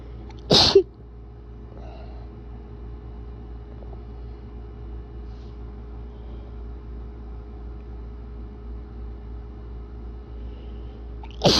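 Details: Allergy-related sneezes, deliberately induced for a very tickly nose, coming out very wet: one loud, sudden sneeze burst, then steady background hum, with another sneeze starting at the very end; sneezing.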